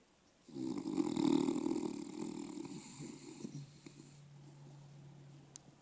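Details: A long, rough, fluttering snore on a single breath, fading into a softer steady hum, from a sleeping bulldog; her owner says this is quiet and mild compared to her usual snoring.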